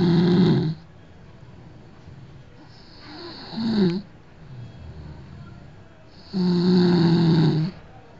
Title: My Roommate Snoring out loud